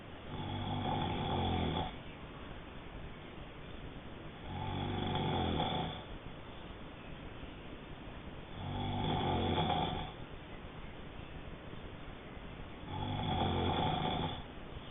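Four loud, rough, low snores on the breath in, about 15 a minute, with quiet breathing out between them; steady snoring.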